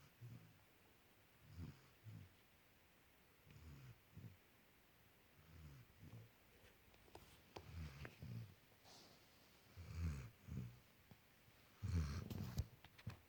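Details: Puppy snoring: soft, low snorting snores in uneven bursts, about 30 a minute, in a quiet room.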